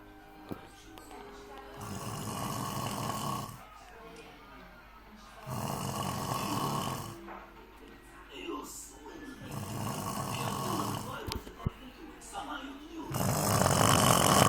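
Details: Loud, rough snoring from a sleeping male, about 16 snores a minute on each in-breath with quieter gaps between them; he kept snoring even when his nose was squeezed to try to wake him.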